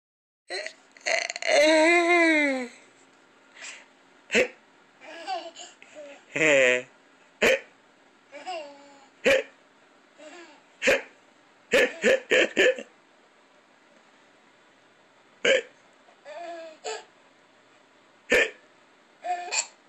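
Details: A baby laughing and squealing, broken by repeated sharp hiccups, roughly a dozen over twenty seconds.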